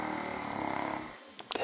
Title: Snores.wmv